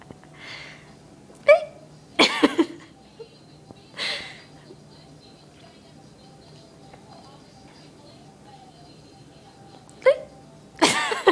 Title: My AMAZING hiccups!